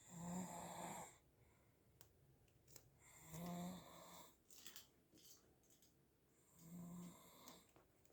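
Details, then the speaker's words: Snoring at night, recorded while the listener tries to sleep, 14 November 2020, 22:10. "He actually snores at night. Here is proof."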